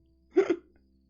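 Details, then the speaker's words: A single brief, sharp voiced hiccup from an adult man, over a low steady background hum; he says it sounds like gagging, brief, then back to normal. "While it's happening, it sounds like I am gagging and dying. It's so brief, and then you just return right back."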